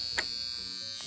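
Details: Steady high-pitched electrical buzz with brief zapping crackles, like a bug zapper, from a portable high-frequency skincare wand worked over the face (expression lines, pores, under the eyes, forehead).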